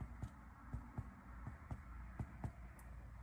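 Seven soft, hollow finger taps in quick pairs on the chest wall, giving a resonant percussion note over normal lung.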